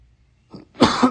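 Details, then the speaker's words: Single harsh adult cough, preceded by a brief softer throat sound, in a quiet hotel room; the speaker believes a guest next door is coughing right after him. "This guy's coughing right after I'm coughing in the room next to me."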